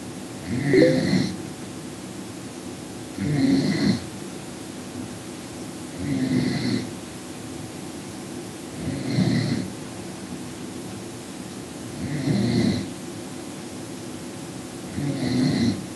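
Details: Regular rattling snores on each breath in, about 22 breaths a minute, with quiet pauses between; snoring during sleep.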